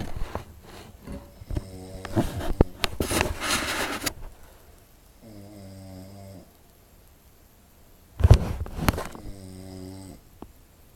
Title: snoring on couch